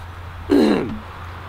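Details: Throat clearing.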